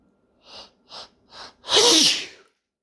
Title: More attempts at announcing sneezes